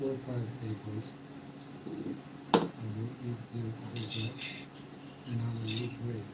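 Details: Aphasia after mild stroke in a man 115 days into self-therapy; restarts his sentence with hesitations.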